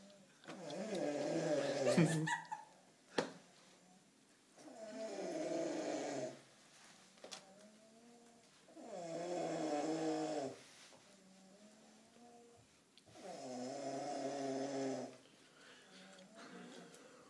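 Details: Small dog snoring in sleep: regular soft snores with a whistling, buzzy tone, about one breath every four seconds.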